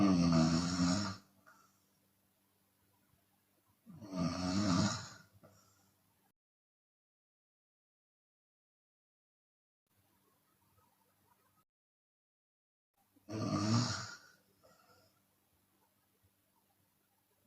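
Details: Loud, rough snores on the in-breath at about 15 per minute with silent stretches between, from a Chinese woman snoring with her mouth open, sometimes exhaling audibly.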